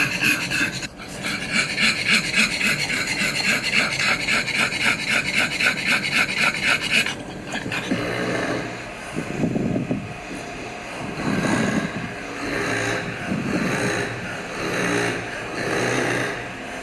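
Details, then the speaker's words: Severe stertor and stridor, BOAS grade 3, in a brachycephalic dog: fast, harsh, rasping panting with loud snoring and whistling on each breath. "좀 심한가 비교를 해야 되니까 그리드 3d 해볼게요"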